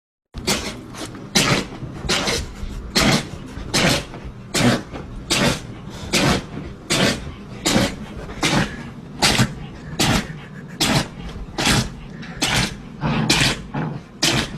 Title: I Bet You've Never Seen A Dog Sneeze This Many Times #Sneeze